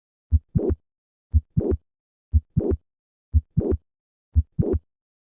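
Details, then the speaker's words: Mitral valve prolapse heart sounds during a standing-to-squatting maneuver: regular heartbeat near 59 a minute with a mid-systolic click and late systolic murmur; squatting moves the click and murmur later in systole. "in a classic study researchers demonstrated that the click always occurs at the same ventricular diameter maneuvers like squatting that increase left ventricular size at the start of systole cause the click to move later"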